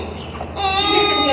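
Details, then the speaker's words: Crying neonate with high-pitched, harsh noise on breathing in: inspiratory stridor beginning at birth or within 24 hours, presented in a paediatric stridor teaching case. "Este es un estridor inspiratorio que comienza en el nacimiento no 24 horas el nacimiento"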